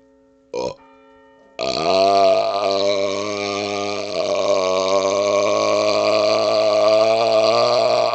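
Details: Burping outdoors on a second-floor porch during a cold snowstorm: a short sound, then one long, loud, droning burp of over six seconds with a steady, rough low tone.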